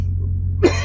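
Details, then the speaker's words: Dry cough of an adult truck driver with a cold and a sore throat, the cough earlier productive but now non-productive: a single short, dry cough over a steady low engine rumble. "and coughing some junk up here and there, but now I'm not coughing anything up. It's just dry."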